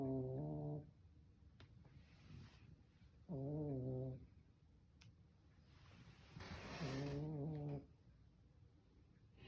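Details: Snoring from a sleeping pet: rhythmic, humming snores about 18 times a minute, with softer airy breaths between them.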